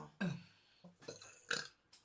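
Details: Short, low, rough voiced belches in quick succession, after drinking beer and eating; burping.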